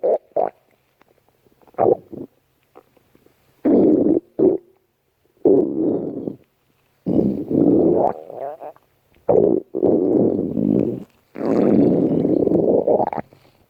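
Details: Loud gurgling and rumbling bursts from the abdomen, coming irregularly over several seconds; ordinary stomach growling (borborygmi).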